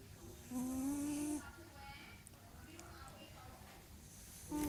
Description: King Julian Cat Snoring to Glory....Dont Forget to like